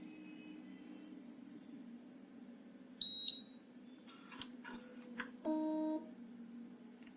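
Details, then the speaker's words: B. Braun Perfusor Compact Plus syringe pump switched on with a single press of the on/off key: a brief high beep, then a longer steady tone over quiet room hum; normal start-up signal. "This is the on off key. Single press on."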